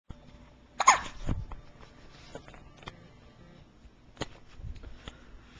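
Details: Infant in the morning, just after a feeding, recorded in 2008 on a Flip Video camcorder: a few short, abrupt catches with faint clicks in a quiet room, described as her worst case of hiccups, though she is not bothered.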